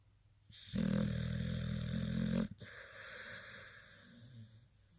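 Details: Sleepy blue-nose pitbull cuddling: one long, low, rattling snore on the in-breath followed by a quiet breath out; snoring.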